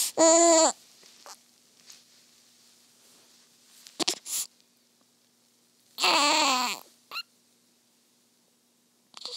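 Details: Newborn girl around her first feeding: short bursts of crying separated by quiet breathing and small sounds, with a faint background hum; an ordinary newborn cry.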